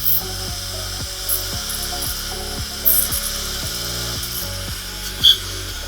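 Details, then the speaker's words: Dental implant osteotomy drilling after the pilot drill, with sequential drill sizes to CT-planned depth: steady low surgical drill motor whine with repeated short pulses as the drill is pumped in and out. "after I do my pilot drill I always take a pan and take a look at the angulation they could see that looks really good perfect and then I will continue on every CT scan so I know how far I'm literally going different size"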